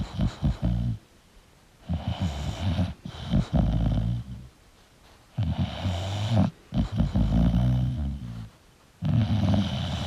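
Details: Loud, rough, rattling snores with grunting breaths, about 17 a minute in an uneven rhythm, from a sleeping English bulldog.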